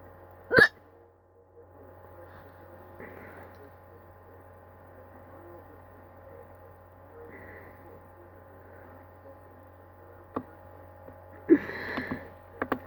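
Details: Two abrupt, sharp hiccup catches about eleven seconds apart over a steady room hum; hiccups.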